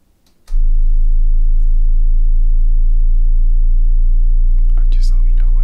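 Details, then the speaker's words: Steady low electronic tone with a brief quiet start and faint handling noise near the end: an acted hearing test tone through headphones, the listener asked to name the ear and say when it stops. "Now, you're gonna hear some tones in either one of your ears. First of all, I want you to say which ear you hear the tone in, okay?"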